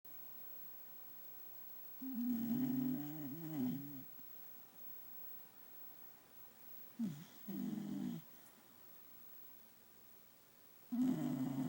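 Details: Scooter, a male Beagle, asleep at 1pm, twitching and snoring: slow, rumbling snores lasting a second or two each, with quiet pauses between breaths.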